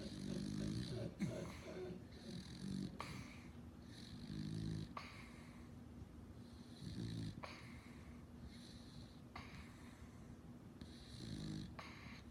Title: Snoring beagle 😂